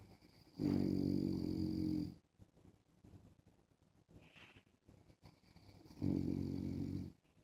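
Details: An adult man snoring while wearing a mask: two loud, rumbling, fluttery snores on breathing in, about five seconds apart, with quiet breathing between them.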